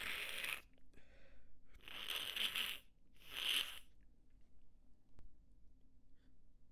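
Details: Sneezing fit after manual inducing of a nasal tickle: three hissing, partly stifled sneeze bursts in quick succession, then quiet breathing.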